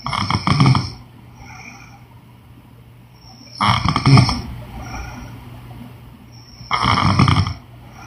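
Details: Adult woman snoring in sleep: loud, rattling snores about every three seconds, roughly 20 breaths a minute; heavy snoring.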